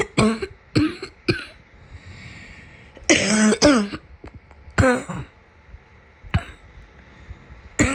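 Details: About seven short harsh coughs, some in quick pairs, with throat clearing, from a person's summer cold.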